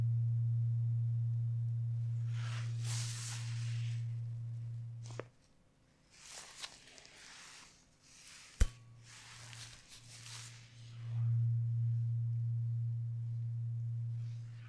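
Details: Steady low pure tones switching on and off with quiet gaps, moved ear to ear in a role-played ASMR hearing check during a simulated cranial-nerve-style exam; audiometry test tones.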